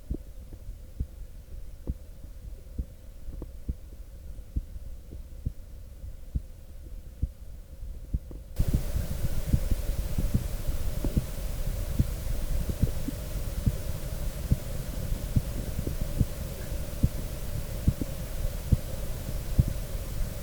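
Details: Normal human heartbeat recorded with a stethoscope and USB microphone: steady thumps at about 71 per minute, with a constant low background hum.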